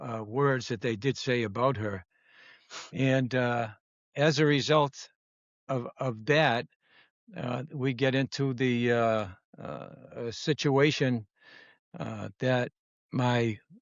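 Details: Adult female former educator of 30 years and stroke survivor with expressive (Broca's) aphasia, diagnosed after transient ischemic attacks that followed atrial fibrillation and cardioversion; real patient in recovery.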